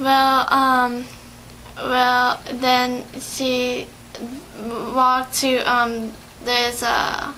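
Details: 17-year-old patient with aphasia, assessed in an interview with a speech therapist: aphasia.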